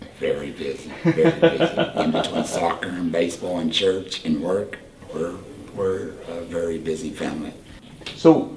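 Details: Tracheoesophageal speech from a 38-year-old man whose voice box was removed (laryngectomy) for cancer about four years earlier, followed by radiation; he speaks using a voice prosthesis with an HME.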